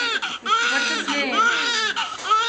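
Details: Newborn boy's first cries right after birth and cord cutting, in delivery room: strong, high-pitched bursts with brief gasping pauses.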